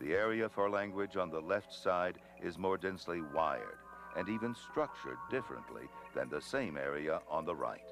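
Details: Adult male narrator; normal speech.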